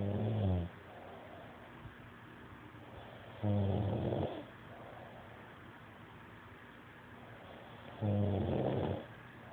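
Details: Adult man asleep: three loud, low, rattling snores on breathing in, spaced several seconds apart, with quiet room noise between: ordinary snoring.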